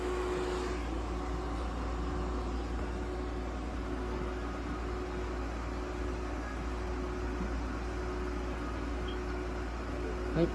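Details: Veterinary ICU incubator providing warming, humidification and oxygen therapy for a budgerigar under treatment: a steady low mechanical hum with fan-like hiss; no bird sounds heard.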